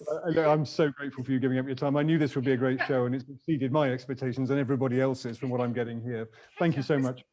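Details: Adult man; normal speech.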